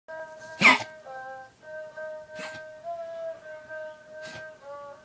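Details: Labrador named Max with kennel cough, coughing repeatedly: three short, harsh coughs over steady background music.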